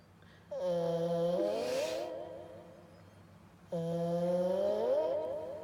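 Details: A sleeping 10-year-old cat that habitually snores loudly gives two long, buzzy, humming snores on breathing in, each about two and a half seconds, with a quiet pause between: loud snoring.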